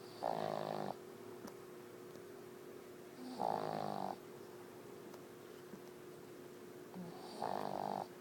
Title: Boston Lucy Snoring